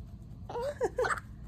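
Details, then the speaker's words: Newborn baby boy, born about nine hours earlier after a fast labour, makes two or three brief, high-pitched squeaky catches in quick succession: newborn hiccups. "So, oh goodness, what? Oh, hiccups."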